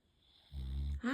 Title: Cutest snoring rescue Bulldog being cute while sleeping #adoptdontshop #rescuebulldog